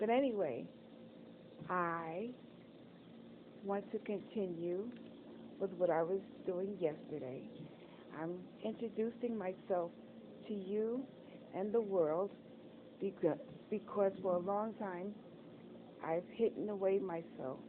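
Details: Adult woman speaking; Dysarthria after stroke.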